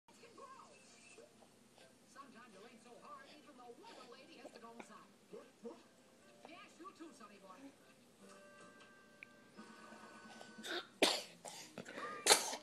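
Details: Pet playing with his feet and sneezing amid television talk; two sharp, forceful sneezing bursts near the end.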